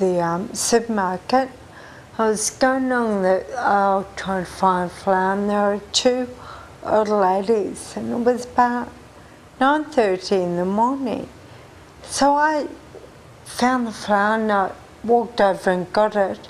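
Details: 43-year-old woman with Friedreich ataxia, a genetic progressive disease, diagnosed at age 20; she says strangers took her for drunk: ataxic dysarthria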